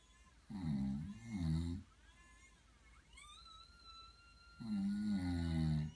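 Deep rumbling snores in two clusters, with a whistling tone between them: snoring.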